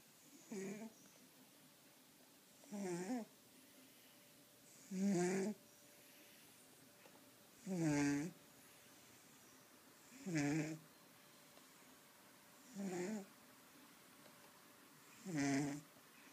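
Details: Seven short, tonal, buzzing snores spaced about every 2.5 seconds, roughly 23 a minute, in a quiet room; snoring.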